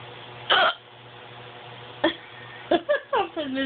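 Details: Person with persistent hiccups lasting an estimated five to ten minutes, at bedtime: several sharp, abrupt catches of the voice in quick succession over a steady background hum.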